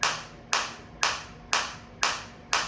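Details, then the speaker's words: Focused (not radial) shockwave therapy applicator applied to the operator's own hand at minimum intensity, frequency 120, shot counter running; sharp, evenly spaced cracking pulses about two a second, each fading quickly. "मैंने अपने hand पे लगाया। आप देख सकते हैं focus stock आ रही है मेरे को। इंटेंसिटी अभी मिनिमम है।"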